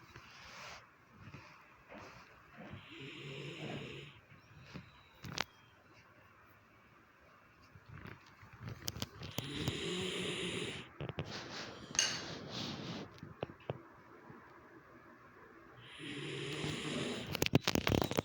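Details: Snoring: rough, fluttering noises on the in-breaths, about three spaced breaths with scattered clicks and room noise between them.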